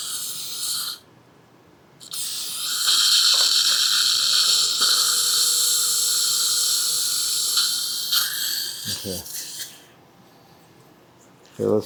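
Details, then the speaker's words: Mini dental implant (2.0 x 11) site in a lower jaw of a woman with a failed conventional implant denture: high whirring surgical drill in bursts, deepening the site about another millimeter; implant site drilling. "So, I'm going to back it up and I'm going to drill a little bit deeper on this one and put it back in cuz I want to bury it another millimeter or so. So, let's go ahead and drill a little bit deeper on that one."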